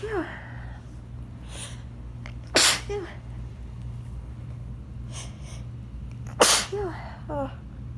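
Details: Person sneezing in autumn and saying they are allergic to something: two forceful, explosive sneezes a few seconds apart, with brief vocal sounds between and a steady background hum; sneezing.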